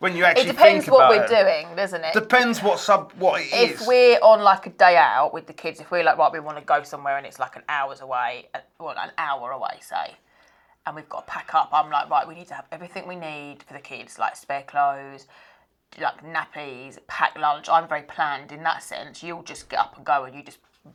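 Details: Adult woman speaking; Normal speech.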